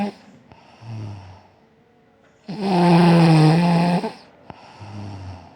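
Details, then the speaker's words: Adult woman, mother of three, asleep at 4 a.m. in winter, tired after a long day: two soft low snores around one loud buzzing rattling snore in a quiet room; snoring. "দেখেন রাত বাজে চারটা আপনার আপু কিভাবে রাতের বেলা নাক ডাকে আজকে আপনাদেরকে সেটাই শোনাবো"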